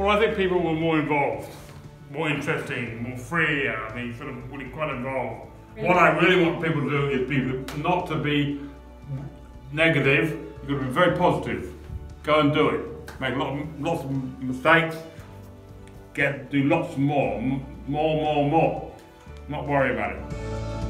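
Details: 63-year-old man with aphasia after a stroke in 2018, also with seizures; aphasia.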